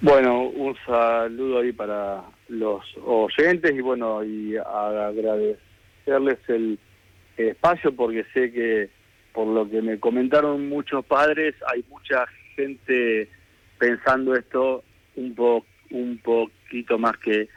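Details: Adult man with stuttering since childhood that persists, improved over the past two years, and for which he consults professionals, speaking in a live Spanish radio interview; stuttering.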